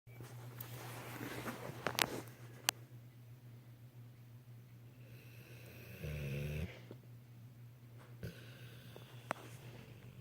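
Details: Snoring at night that kept the recorder awake: faint room noise and a few clicks, then one short, low, rattling light snore.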